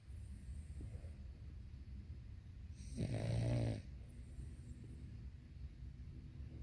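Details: Sleeping dog gives a single loud, rattling snore in a quiet room, rising and fading over under a second: ordinary snoring.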